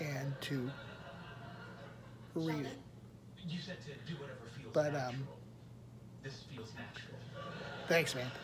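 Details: Aphasia in an adult who attended a rehabilitation research program about a year earlier; word-finding difficulty and fragmented sentences.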